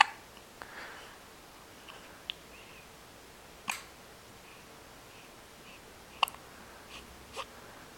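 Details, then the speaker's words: Ordinary hiccups in the morning: brief, sharp hiccups recurring every one to two seconds, about five in eight seconds, over quiet room noise. "Hey, somebody's got the hiccups this morning."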